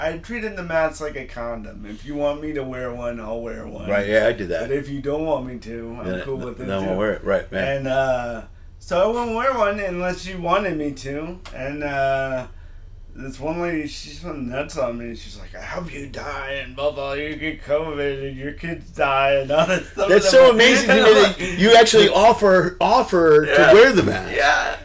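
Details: Adult male comedian with lifelong dysarthria from cerebral palsy present since birth; says he always sounds like this; dysarthria (cerebral palsy).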